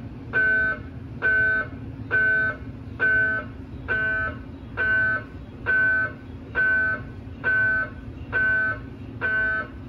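Loud, regular buzzing tonal pulses, about 67 a minute, over a steady low hum: typical MRI scanner gradient noise during a scan.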